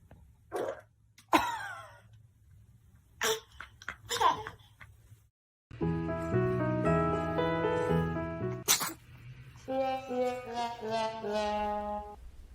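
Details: Sneezing in a baby: a few short, sharp infant sneezes, then music.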